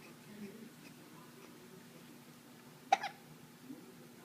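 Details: A single brief, sharp hiccup from a 5.5-week-old baby against quiet room noise; infant hiccups.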